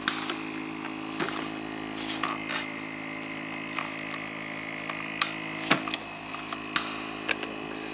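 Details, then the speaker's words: AirSep FreeStyle portable oxygen concentrator running on setting 3, a battery-powered unit about 4.4 lb: continuous mechanical hum with scattered clicks and puffs. "nice FreeStyle AirSep air oxygen generator. Very portable, nice when you travel."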